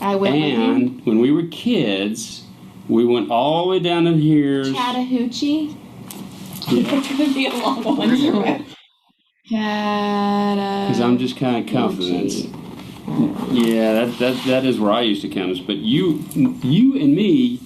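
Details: Adult man with aphasia, with reading and writing among his strengths, speaking with his wife as communication partner; his message is hard to get across; aphasia.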